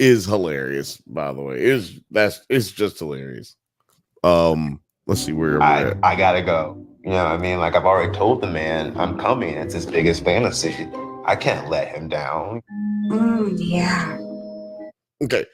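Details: Adult male speaker, casual conversation; normal speech.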